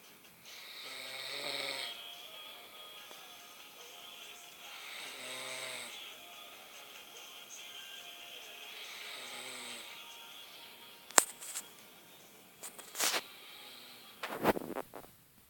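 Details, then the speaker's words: Three soft, buzzing snores at a slow, even pace from a sleeping person, then sharp clicks and knocks, faint background music: snoring. "Okay, that wasn't as loud as it was, but he was snoring."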